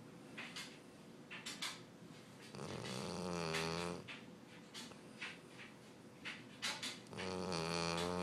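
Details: Loud snoring recorded during sleep, said to happen every night; snoring.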